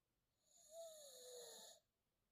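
A single high-pitched, whistling noise on one breath from a sleeping puppy, heard as snoring.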